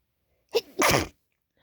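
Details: Late-night sneezes with no tissues at hand: a brief held-back (stifled) sneeze, followed at once by a fuller uncovered sneeze.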